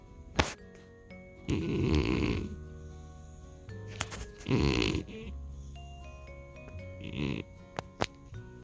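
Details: A cat sleeping in a closet and snoring: repeated rough, rattling breaths roughly every three seconds, over background music and clicks.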